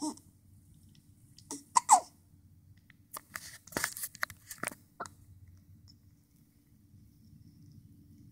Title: Baby's Tiny Hiccups, with Pacifier